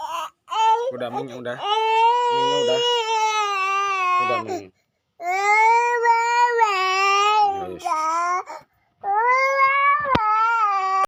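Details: Young child crying indoors in long wailing bursts with short pauses for breath, at the end of a clip of playing with a black cat, where someone also coughs; crying.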